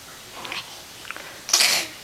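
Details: Six-month-old infant girl in her play gym, small breaths then one brief sharp hissing burst: a single infant sneeze, with mucus afterwards and a runny nose.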